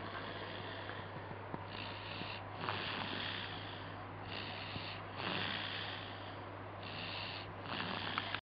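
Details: Snoring during sleep: rhythmic, rough, noisy breathing recurring every few seconds over a steady low electrical hum.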